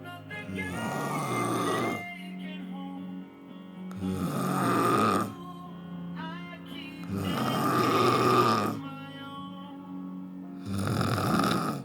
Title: little lady that snores like a 20 stone man